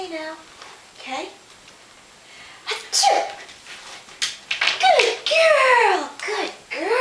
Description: Here's Nuka's Sneeze Trick so far... A work in progress since she just learned to do this the other day, but we're proud of her!